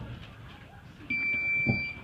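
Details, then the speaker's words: High, steady electronic power-on beep as a training AED is switched on during a CPR and defibrillator demonstration, over low room noise. "as soon as the defibrillator arrives place it above the patient head and turn it on and then just do what you're"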